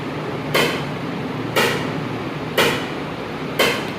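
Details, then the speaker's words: ESWL lithotripsy of an approximately 13 mm left kidney stone: loud regular cracking shocks about one per second over steady machine hum. The patient lies relaxed with mild pain, and shock energy is lowered. "उनको हल्का-हल्का दर्द हो रहा है। फिर मैं उनकी shocks की एनर्जी कुछ कम कर देता हूं।"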